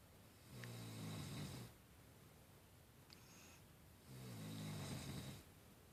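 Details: Snoring: two low rumbling snores about three and a half seconds apart, with quiet pauses between breaths.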